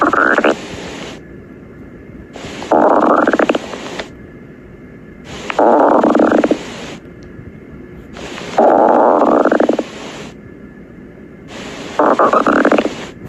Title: Fig's stomach growling - Esme and the dog (2018)